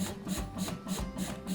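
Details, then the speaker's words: Intrapulmonary percussive ventilation on slow mode via Comfort Cough II (CC20) in a non-communicating child with polyhandicap, hospitalized for pre-operative airway clearance; rhythmic mechanical pulsing with gentle air bursts while the child breathes, about 5 minutes per session. "c'est toi qui respire et puis la machine elle t'envoie un petit peu plus d'air en même temps"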